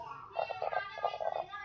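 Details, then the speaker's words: Rooster with heavy mucus congestion, watery eyes and difficulty breathing, making rapid, rattling, bubbly breath sounds; congested noisy breathing. "பாருங்க ஃபுல்லா சளி பிடிச்சிருக்கு. கண்ணுல தண்ணி வர அளவுக்கு சளி பிடிச்சிருக்கு. மூச்சு விட முடியல."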